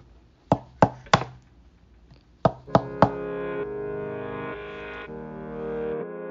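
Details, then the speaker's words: Chest percussion demonstration during thorax assessment: two sets of three short taps with a dull note that could indicate fluid around the lungs (pleural effusion). "the first abnormal sound would be the adornment sound that could be the presence of fluids around the lungs and it will be something like this"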